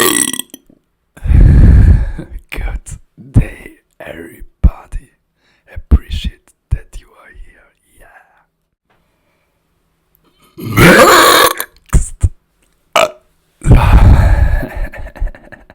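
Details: Several loud, drawn-out belches with short breaks and soft whispering between them: repeated burping after switching from drinking coke to fizzy mineral water.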